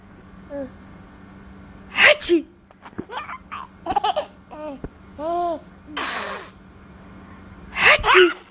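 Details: Adult sneezing repeatedly while a baby laughs: several loud, sharp sneezes with the baby's giggles and gasps in between.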